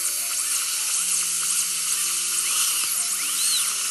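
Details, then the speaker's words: Wisdom tooth extraction in a patient with a week of infection in the left upper and lower wisdom teeth: steady high-pitched whine of a water-cooled dental drill sectioning the tooth into pieces, with faint music. "you're gonna feel a little bit of vibration and a lot of water springing just like I said you're gonna trim the tooth a bit like a little baby tooth and pick it out in a couple of pieces"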